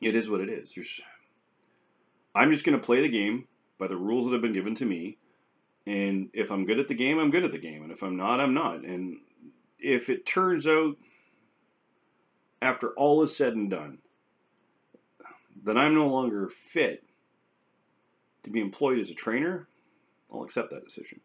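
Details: Post-stroke aphasia with anomia and some verbal apraxia in an adult man almost a year after his stroke, severity varying by day.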